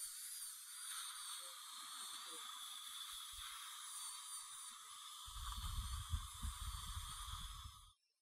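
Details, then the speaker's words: Dental drill whine with intermittent grinding as a finishing diamond adjusts occlusion on a lower right first bicuspid after placing Lumineers veneers, aiming for harmonious occlusion. "I'm gonna take the finishing diamond here and we want to get these so they occlude harmoniously inclusion is a very important part of this"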